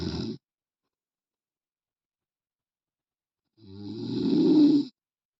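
A loud, rough, rattling snore on the in-breath after a long silent pause; ordinary heavy snoring.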